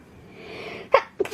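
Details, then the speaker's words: Woman says she is about to sneeze, then a drawn-in breath and two quick sneezes in a row; sneezing. "Я сейчас чихну. Правду говорю."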